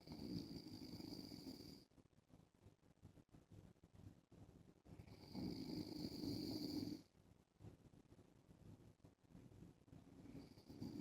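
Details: Adult man snoring in sleep while wearing a mask: rough, rattling snores on each breath, about two in eleven seconds, with quieter gaps between.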